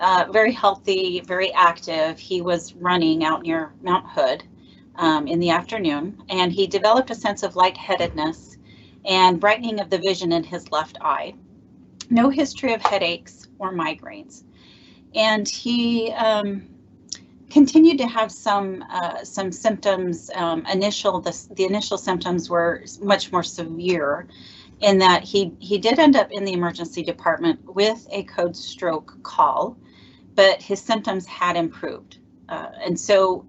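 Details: Adult speaker, likely female; normal speech.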